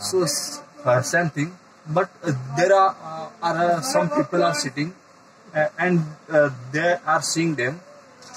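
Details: Adult man who stammers, getting stuck on words and repeating, trying techniques to manage extra muscular stress while speaking; stammering.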